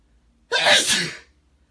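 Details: An adult male's wet morning sneeze: one sudden, forceful, wet sneeze bursting out after a brief quiet pause, then fading in a hiss.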